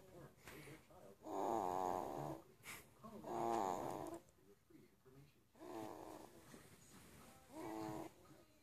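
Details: Young son snoring during sleep: loud, rattling snores with quieter breaths between, about four snore cycles, some background talk.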